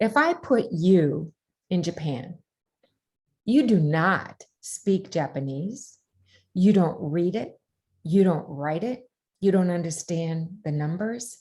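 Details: Adult woman speaking; Normal speech.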